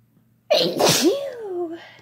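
One loud voiced sneeze with a rising in-breath and a trailing vocal tail; an ordinary sneeze.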